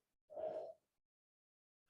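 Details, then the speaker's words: Simulated wheeze: a brief, musical, whistle-like tone made through pursed lips to imitate airway obstruction, presented in a teaching session on hemoptysis and wheezing. "Wheezing is just that. That sound that's way more musical than my actual voice means that the patient is obstructed somewhere along their airways."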